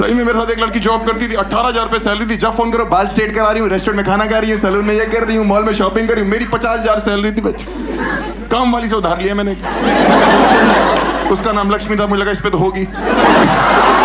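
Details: Adult male performer speaking Hindi to an audience; normal speech.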